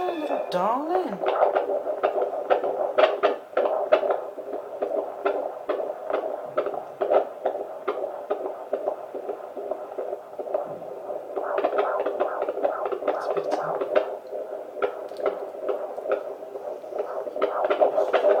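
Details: Fetal heartbeat at 28 weeks of pregnancy, a baby girl, on a midwife's Doppler: fast rhythmic whooshing pulses around 136 a minute, patchy as the baby kept moving away from the probe.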